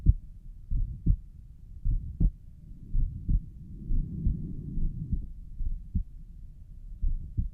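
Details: Self-recorded stethoscope heart sounds at the pulmonic valve, about 70 beats a minute, with a soft whooshing noise between beats, suspected mid-systolic murmur.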